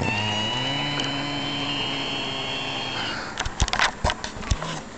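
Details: Adult man (a father) snoring in sleep: a drawn-out tonal humming snore, then clicking and snorting noises; an unusual, weird-sounding snore.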